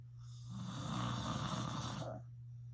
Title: Filming my dad snoring again (more loud snores !)